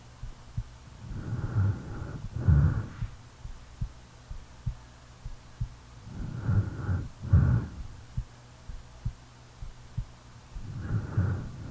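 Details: Real recording of a person snoring while asleep: low, rumbling snores at about 12 breaths a minute over a steady, soft heartbeat near 60 a minute.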